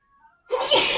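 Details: Adult woman in a sneeze compilation tagged allergic rhinitis: a faint breathy intake, then one loud, explosive sneeze; sneeze.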